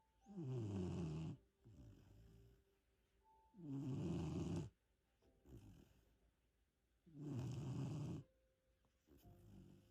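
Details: Loud, regular rattling snores on each in-breath from a 3-month-old puppy, softer breaths out, about 18 breaths a minute; ordinary puppy snoring.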